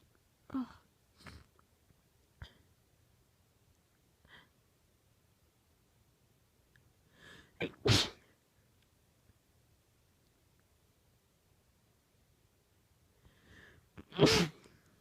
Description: 18 f, sneezing into an old T-shirt, trying to be quiet. There were other people in the house. They were pretty powerful though, so it was hard to keep them quiet!